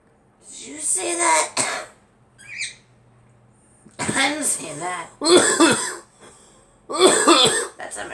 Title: Girl coughing